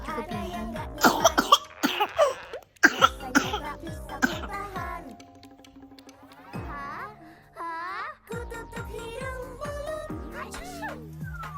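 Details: Child coughing at night, sleep disturbed by the cough, per the mother.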